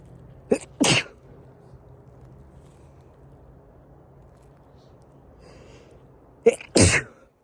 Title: Sneezing on a 👃🏻shaped leaf